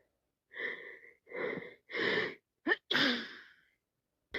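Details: Sneezing with a wet head cold: a series of breathy, airy bursts with sniffles, ending in a sharper explosive sneeze.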